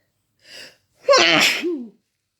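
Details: Person feeling sick, woken in the middle of the night sneezing: a quick inhaled catch then one loud, explosive, voiced sneeze during an intense rapid sneezing fit.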